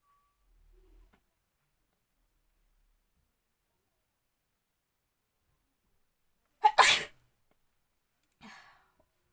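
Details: Near silence, then one sharp, loud sneeze followed by a soft breathy exhale, a single sneeze brought on by tickling the nose with a folded sari edge in a sneezing challenge.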